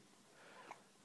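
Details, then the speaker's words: Infant boy's first hiccups, seeming a little frightened by them: a single soft, abrupt hiccup in a quiet room. "this is our little boy and he has the hiccups for the first time it's kind of freaking him out a little bit"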